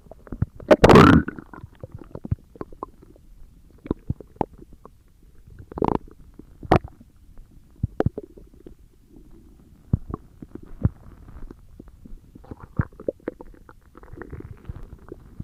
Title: You listen to stomach growling! (The last vid) Read desc!